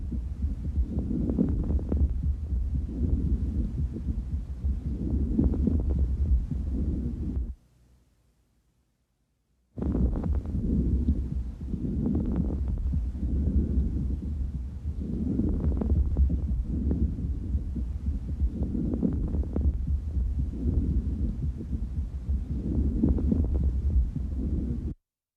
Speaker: crackles are because of moisture some fluid is there okay many possible causes of crackles are pulmonary edema early congested heart failure